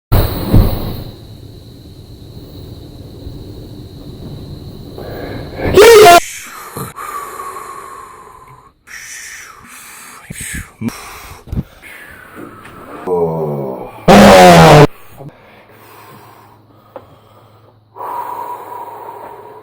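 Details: Adults smoking weed: noisy, wheezy inhalations and two sharp, harsh coughs: wheezy breathing and coughing after smoke inhalation.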